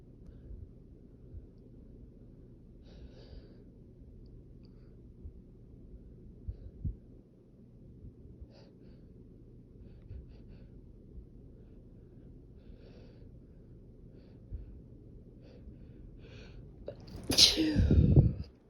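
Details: Second part of a sneezing fit, with an itchy nose: quiet sniffing and breaths build up, then end in one loud, sharp sneeze.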